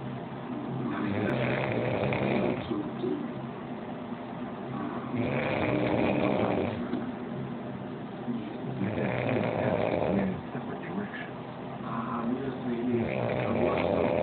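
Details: Loud, rough, rumbling snoring, about one snore every four seconds (roughly 15 breaths a minute), loud enough that others cannot sleep in the same room.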